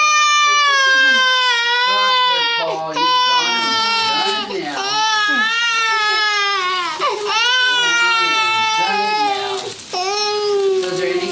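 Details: Sick infant at a pediatric office visit with new stranger anxiety; teething of the top teeth is suspected. Loud, sustained, wailing cry with falling pitch and brief catches of breath, upset but vigorous; lungs are reported clear.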